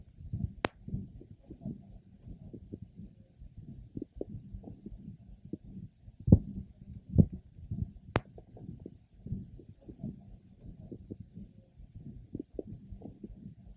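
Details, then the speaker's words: Over the abdomen of a pregnant woman: rapid soft fetal heart sounds plus a maternal systolic murmur, a normal finding more likely in the second and third trimesters. "we are now listening over the mother's abdomen and a systolic murmur is heard in addition to the fetal heart sounds this is a normal finding more likely to be found in the second and third trimesters of pregnancy"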